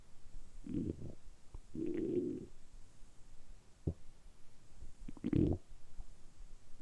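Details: Low gurgling rumbles in irregular bursts with short gaps, recorded close up in a quiet room; deliberately produced stomach rumbling for about ten minutes, ordinary harmless bowel sounds; borborygmi.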